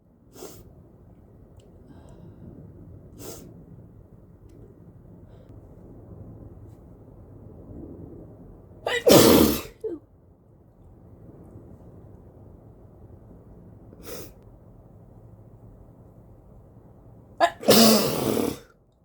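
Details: Person with a cold sneezing into a face mask: quiet breathing, then two forceful muffled sneezes, each with a sharp intake beforehand.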